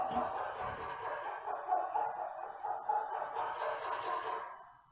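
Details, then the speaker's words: Brachycephalic dog, with Bulldogs, Pugs and French Bulldogs discussed: a long, harsh, high-pitched drawn-out breath ending in a brief knock, laryngeal stridor. "so for years I've been teaching my students that Strider is laryngeal not in the literature so we checked it and it is laryngeal okay"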